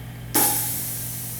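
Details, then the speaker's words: Sudden loud hiss of air bursting out and slowly fading over a steady hum as a dental Prophy-Jet air-powder polishing unit, switched on at the delivery system master switch, exhausts powder and pressurizes with air during troubleshooting. "that's all it's exhausting the powder out we're owned and we pressurized with air"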